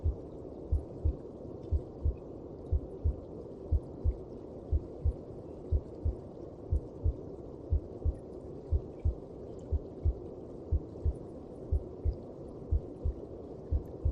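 Steady paired thumps at about 60 beats a minute under a constant low whooshing rush: a heartbeat as heard inside the womb.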